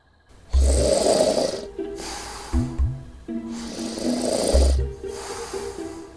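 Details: Snoring from a review of an anti-snoring nose clip: two loud, rough, rattling snores on breathing in, each followed by a quieter breath out, with faint music behind.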